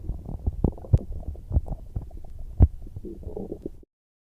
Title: stomach growling I am hungry